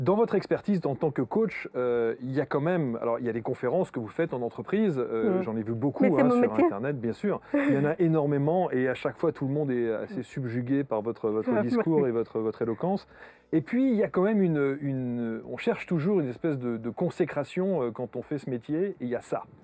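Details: Adult male speaker; typical speech.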